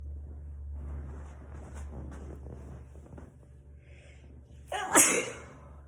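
Quiet room noise, then one sharp, loud sneeze burst near the end.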